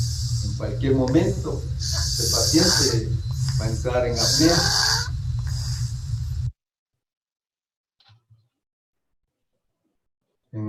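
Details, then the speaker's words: Stertor in a paediatric patient, low-pitched and arising from the nose or nasopharynx. Coarse, low-pitched snorting breath noise. "es originado en nariz o castro fariña de tono bajo el paciente es cuando la madre refiere que respira como un marranito"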